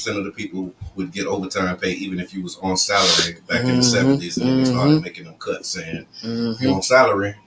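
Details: Adult male speaker; ordinary speech.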